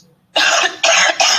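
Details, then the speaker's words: Cough sample from the COUGHVID COVID-19 cough dataset, labelled symptomatic: three harsh cough bursts in quick succession; the person reported symptoms but was never tested, so COVID status is unknown. "so that one the person said they had symptoms but they didn't go get tested so we don't know if they had Co or not"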